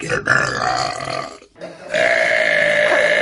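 Two loud, sustained burps, the second long and steady in pitch.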